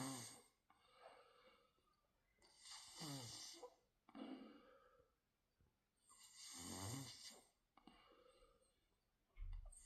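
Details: Daughter snoring during sleep: slow, rattling snores on each in-breath with quiet pauses between; ordinary snoring.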